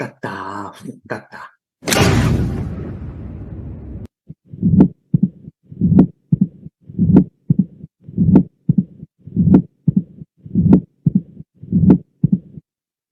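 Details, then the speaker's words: Mitral stenosis: regular heart sounds about 51 a minute, loud bright snapping first sound, second sound followed by opening snap, low mid-diastolic rumble with presystolic accentuation. "Entonces es la presencia de un retumbo meso diastólico un reforzamiento presistólico un primer ruido intenso brillante un segundo ruido después del chasquido de apertura"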